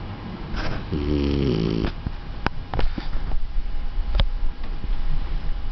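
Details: Four-month-old beagle–Australian shepherd mix puppy, said to snore loudly: one low buzzing snore, then several faint clicks and soft snuffles against steady room noise; snoring.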